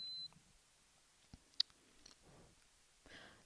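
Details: Short high beep, then soft clicks and handling noise in a quiet room: a Braun ThermoScan PRO 6000 ear thermometer with probe cover signalling a temperature reading on a Welch Allyn Connex Spot Monitor demonstration.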